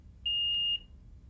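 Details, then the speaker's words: Respironics SmartMonitor 2 infant apnea monitor: breathing pause beyond doctor-set limits lights the red apnea light and the device beeps once every second; a single steady high-pitched electronic beep in a quiet room; apnea monitor alarm. "when smart monitor - detects a pause in breathing outside of the limits set by the doctor the red apnea light comes on and smart monitor - will beat once every second"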